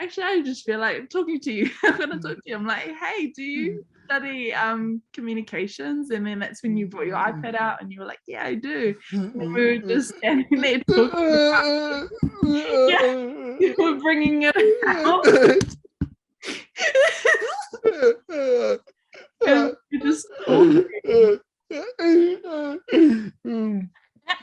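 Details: Adult woman speaking; typical speech.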